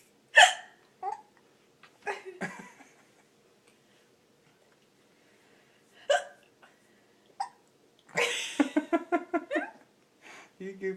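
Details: Girl who got hiccups after laughing at her mother's hiccups: sharp, sudden hiccup gasps with quiet gaps between them, followed by a burst of laughter; hiccups.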